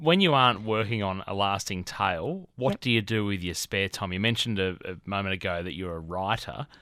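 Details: Adult male speaker; typical speech.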